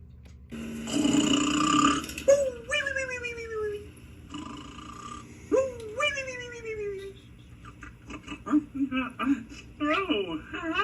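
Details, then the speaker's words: Animated cartoon character snoring during a nap, simulated: rumbling inhaled snores alternating with whistling falling exhales, repeated several times; imitation snoring. "there. It's me, Face. I was taking a nap. I love my nap."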